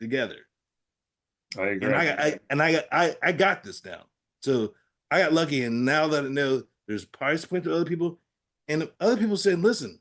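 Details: Adult man with aphasia after a stroke, in recovery with therapy-app practice; aphasia.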